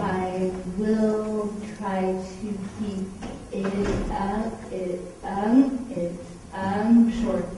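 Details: Dysfluent, effortful speech in a woman with cerebral palsy; muscle control problems cause a very strong stutter, though she can communicate adequately.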